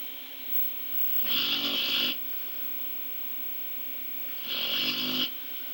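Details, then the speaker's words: Female dog who snores very loudly, sleeping: two loud, long, rattling snores roughly three seconds apart against steady room hum. "Boo Bear, you're snoring. Boo, you're snoring. Baby. Boo Bear, why you snore so much?"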